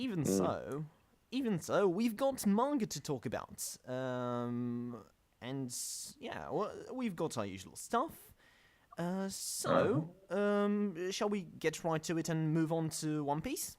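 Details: Podcast host whose co-hosts are called the non-stammering hosts, implying he stammers; show combines manga talk with speech therapy: stuttering.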